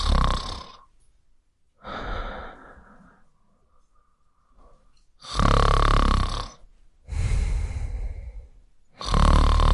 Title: Male Snore ｜Sound Effect